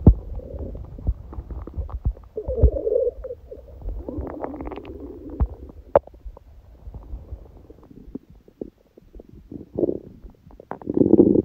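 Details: Hungry, empty stomach recorded for ASMR (sneezing elsewhere in recording): gurgling, rumbling stomach growls with scattered clicks and pops; normal hunger bowel sounds (borborygmi).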